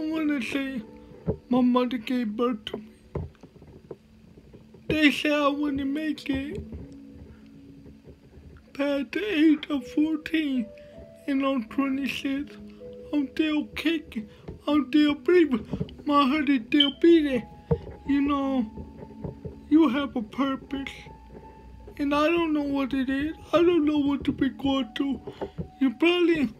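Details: Dysarthria with slurred speech in a male motivational speaker with cerebral palsy, speaking in a real talk.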